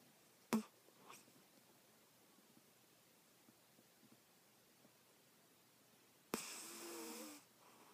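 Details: Quiet room with a soft click, then a single brief, slightly whistling inspiratory snore from a sleeping pet cat; ordinary cat snoring.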